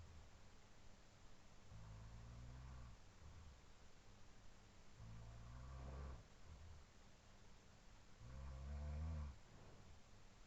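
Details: Real overnight sleep recording, looped from 4:17–4:20 AM after falling asleep about 2:10 AM: a roommate's deep, rumbling snores every few seconds, about three in ten seconds, over the sleeper's breathing and steady room noise.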